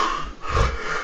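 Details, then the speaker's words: Loud, low snorting gasp as breathing restarts after an obstructive apnea pause in sleep; snorting resumption of breathing in obstructive sleep apnea. "но слава богу он через минуту 15 начнёт дышать потому что мозг проснётся и подумать что я уже умираю"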